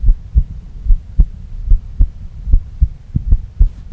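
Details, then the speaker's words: Heart recording played through a speaker: steady heartbeat near 73 a minute with an occasional split sound, an extra third sound squeezed into one beat. "yes there's a third sound in there it all happens in 0.8 of a second it's very very quick in there"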